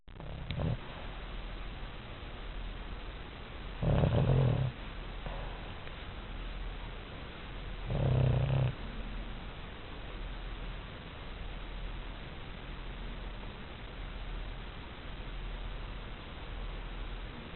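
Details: Sleeping with eyes open and paws twitching: two low, short snorting snores about four seconds apart over a steady background hum; snoring.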